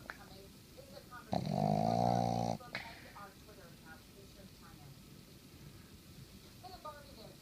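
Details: Boston Terrier snoring while asleep next to the owner on a Sunday morning: a loud, drawn-out snorting snore with a rough, vibrating quality, then softer snuffling breaths.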